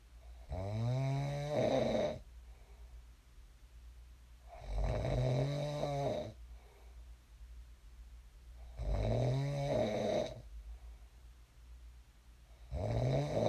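Loud, rattling snores on each breath in, about 15 breaths a minute, with quiet breathing out between them; ordinary snoring.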